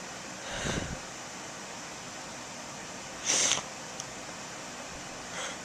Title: A few sneezes (with false start towards the end)